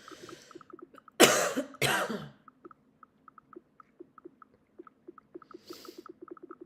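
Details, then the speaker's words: Adult day trader with a dry throat gives two short, harsh dry coughs, with faint rhythmic clicking in the background. "And I have a pretty dry throat. I've just been dry coughing as you can hear."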